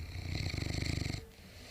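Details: Senior Cane Corso dog snoring while asleep in the morning: a single low, fluttering snore on a breath lasting about a second, then quiet.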